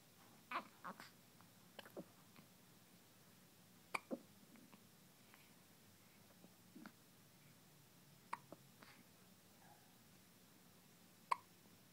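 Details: Newborn hours after birth, first hiccups, short sharp hiccups recurring every few seconds in a quiet room; newborn hiccups.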